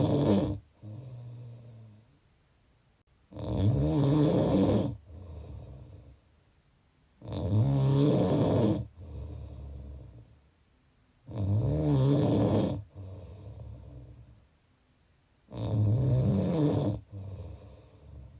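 Loud, rough, rattling snores on each breath in, with quieter breaths out, about 15 breaths a minute; ordinary snoring.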